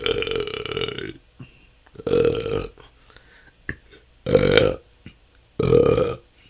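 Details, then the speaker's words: Self-recorded continuous 10-minute session of natural burping with a better microphone; belching can go on for hours, a struggle for a couple of years, felt as stored-up gas. Four loud, drawn-out belches in about six seconds, closely repeated: excessive belching (eructation). "that's 10 minutes this can go on for hours this has been my struggle for the last couple of years it seems like somehow didn't let out enough gas and have stored up so much"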